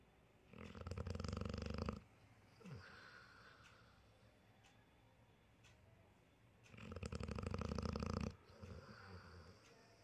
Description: Dog Snoring - Funny